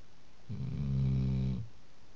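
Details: Snoring from a sleeping dog: a single deep, rumbling snore lasting about a second, low-pitched and steady, in a quiet room.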